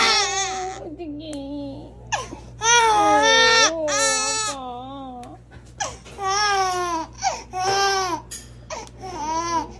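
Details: Infant crying in pain after vaccination shots in the hip, two injections given: loud, high-pitched wailing in long sobbing bursts with catches between, adult voices nearby.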